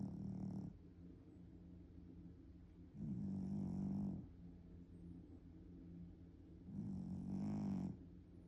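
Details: Sleeping cat snoring: three loud, rumbling snores a few seconds apart over a steady low purr-like hum, about 20 breaths a minute.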